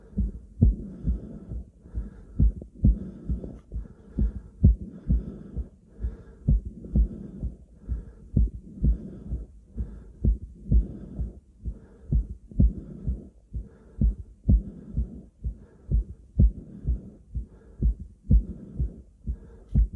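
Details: Self-auscultation through a stethoscope: steady, regular heartbeat thumps with loud heavy breathing rushing underneath; normal heart sounds.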